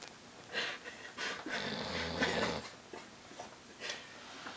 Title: snoring